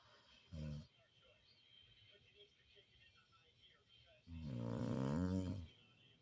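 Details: Sleeping woman snoring: two low, rumbling snores, a brief one and then a longer, louder one about three seconds later, with quiet breathing between.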